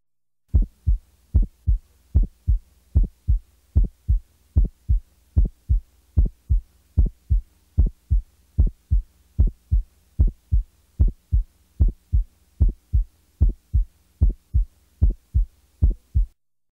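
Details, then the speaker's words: Widely split first heart sound in a teaching recording: regular heartbeat near 75 a minute with the first sound audibly split into two close components. "listen now to a widely split first sound"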